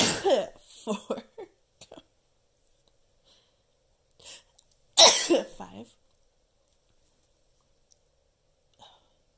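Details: Person counting their own sneezes, trying to reach 10; two bouts of sudden, explosive voiced sneezes separated by quiet. Sneezing.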